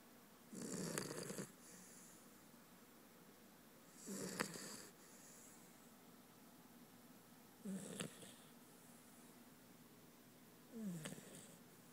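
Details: Sleeping puppy, female, snoring: four soft snoring breaths, about 17 per minute, with quiet pauses between them.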